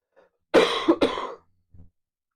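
An adult gives two quick, harsh coughs in a row, followed by a faint breath.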